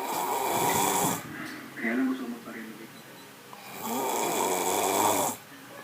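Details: Snoring: two loud, rattling snores with quiet breathing between them.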